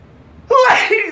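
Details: Quiet studio, then a single sudden forceful sneeze with a voiced burst and breathy tail.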